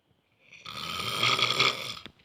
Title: Stressed engineering student snores like a lion grunting😂😂